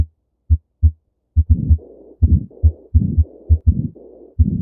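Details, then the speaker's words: Heart sounds presented after the auscultation areas are described: a crisp lub-dub S1–S2 pair, then beats around 70 a minute with a whooshing murmur between them. "so let's go ahead and listen to S1 and S2 sounds as well as the sound of murmuring"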